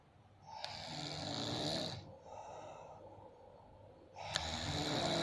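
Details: Two loud, rough, rattling snores about two and a half seconds apart, with quieter breathing between them, from a very loud sleeper; snoring.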